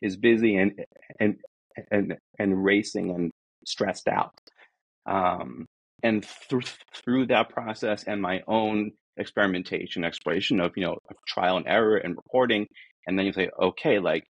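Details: Adult man who says he is a person who stutters and that this is how he talks, not a recording glitch; this stretch has repeated words; stuttering.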